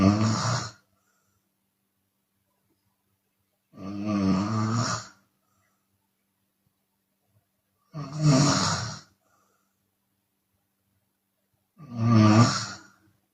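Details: Chinese woman, open-mouth snoring with exhale sometimes: loud, harsh snores about every four seconds, roughly 15 a minute, separated by silence; heavy snoring.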